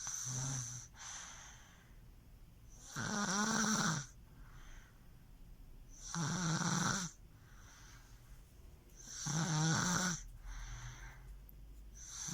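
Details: Baby girl snoring loudly in sleep: regular rattling snores with each breath, about 19 breaths a minute, with softer breaths in between.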